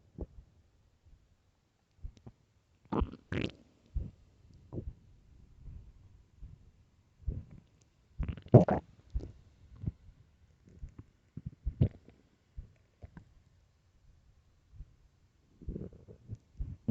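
Irregular low gurgles and rumbles in a quiet room, ordinary stomach growling from an empty stomach.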